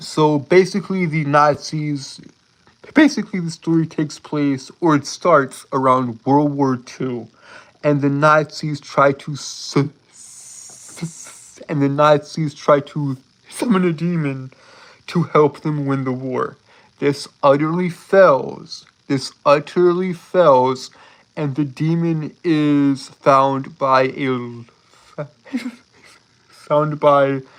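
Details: Lifelong stuttering present since birth in a male speaker, who says he holds his words rather than stuttering over them; stuttering with phrase repetitions, prolongations and blocks.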